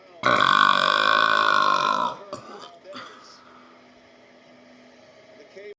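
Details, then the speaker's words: Person with many built-up burps burping repeatedly: one long, loud, voiced belch lasting about two seconds, then quieter mouth sounds and room noise. "I'm hoping this one's gonna be the last because oh my God there's just so many burps built up one more grandma one more"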